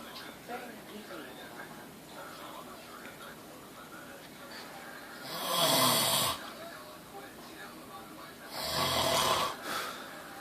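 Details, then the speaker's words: Two loud, harsh snoring breaths from a sleeping uncle slumped halfway out of a chair, over TV background noise; very loud snoring. "How the fuck can you snore that loud? And he's halfway out of the chair."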